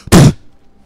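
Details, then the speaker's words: An adult imitates the sound their nose makes when sneezing, an explosive burst of air: a simulated, imitated sneeze, not a real one. "just spit it out no I'm just imitating this sound my my nose makes when I sneeze gotcha but it's just like it's just an explosion of air cuz that's all sneezing it"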